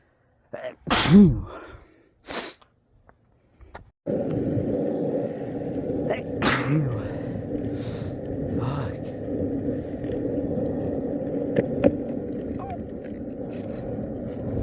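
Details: Sneezing fit outdoors while skateboarding: several sneezes close together, then rumbling background noise with faint further bursts; the person blames cold temperature and being drunk and mentions allergies.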